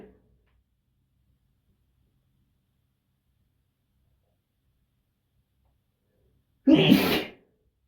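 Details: Male sneeze from a late-October compilation; he usually sneezes 3 to 5 times in a row. Long quiet stretch, then a single loud, explosive sneeze lasting under a second.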